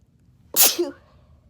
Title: Desperately induced, quick sneeze fit